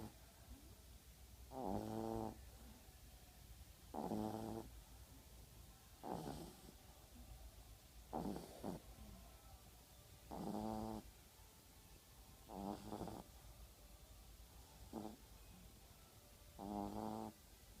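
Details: Sleeping Staffordshire bull terrier puppy with loud, buzzy snores recurring every two to two and a half seconds, about eight in the stretch; ordinary puppy snoring.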